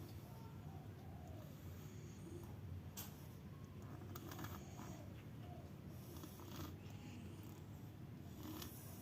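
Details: Sleeping cat: soft, low, rumbling breaths with faint snorting bursts about every two seconds; light snoring.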